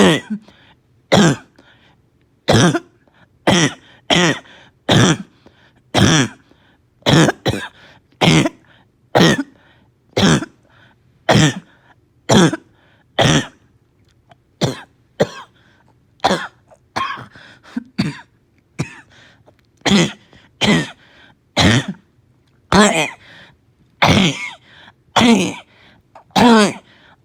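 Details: A child with a slight fever, gagging and vomiting coughs about 25 times in harsh, hoarse, barky bursts: barking cough.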